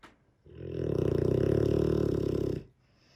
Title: Dogue de Bordeaux - sleeping beauty. Snoring too.